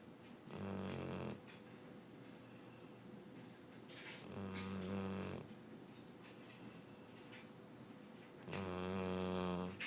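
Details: Dog named Sully snoring nightly while asleep: loud, rattling, throaty snores, about three in ten seconds, with softer breaths between; heavy snoring.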